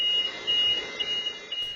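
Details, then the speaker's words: Repeated high-pitched electronic beeping from a ventilator alarm that keeps blaring after a nursing assistant moves the air tube in a nursing home at night, leaving the resident off the ventilator about two minutes; ventilator disconnection alarm. "a certified nursing assistant is seen moving the air tube she appears to adjust it and the alarm goes off"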